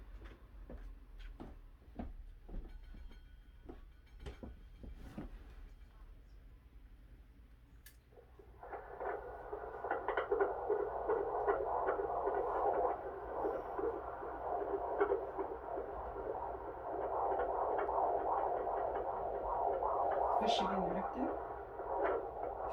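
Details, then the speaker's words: Fetal heart tones on Doppler during labor, with staff discussing whether the baseline is now a little higher; scattered clicks, then a steady, rapid whooshing pulse near 150 a minute. "sorry is the baseline different now than it was before that's what i'm trying to find though um i think it's a little higher"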